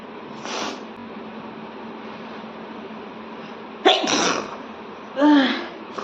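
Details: Woman in a sneezing challenge, sneezes deliberately induced with paper: two sharp explosive sneezes over background hiss and music, the second followed by a brief voiced sound.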